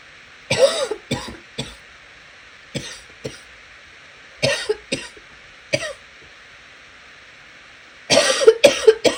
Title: Coughing continues